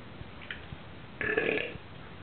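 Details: Basset Hound's after-dinner burp: a single drawn-out, throaty belch after a few faint sounds, said to sound much louder in person.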